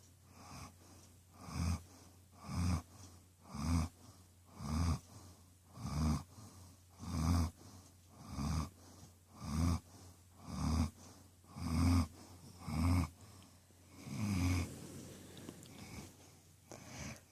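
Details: Regular low snuffling snores, roughly one a second, from Queenie, a female pet sleeping in her owner's lap; ordinary sleep snoring.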